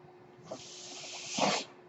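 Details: Podcast host's own mechanical ventilator heard while he speaks: soft airy hiss swelling into a stronger rushing gust over a faint steady hum, rhythmic ventilator air delivery.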